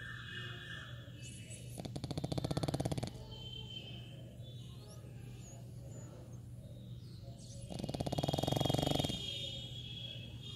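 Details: A pug sleeping gives snoring sounds.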